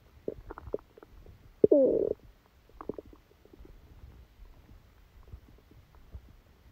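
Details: Active bowel sounds with scattered gurgles, one loud squeaky half-second rumble, then soft bubbling, recorded while sleeping with a stomachache that began after Christmas dinner.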